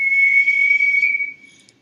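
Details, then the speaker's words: Hearing aid feedback whistle that occurs when the aid is not fastened securely behind or in the ear and air gets through. A steady high-pitched whistle that fades out after about 1.5 seconds. "make sure to fasten the hearing aid securely behind your ear or in your ear because if there is any air getting through the hearing aid will whistle"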